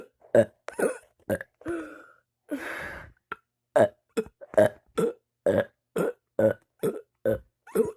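A rapid series of loud, short burps, roughly two a second with brief pauses; repeated belching of swallowed air.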